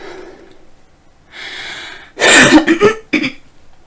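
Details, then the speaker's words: Cough from a Norwegian person with Tourette's, who says their lungs aren't good today: a breath in, then three or four harsh coughs close together, followed by a short coughing aftershock. "i'm sorry my lungs aren't that good today"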